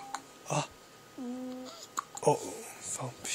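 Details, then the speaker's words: One-week-old (7-day-old) baby girl hiccuping while trying to suck her hand: small soft hiccup jerks with a brief squeak and adult murmuring nearby. Infant hiccups. "baby 呀，baby 在打嗝了。"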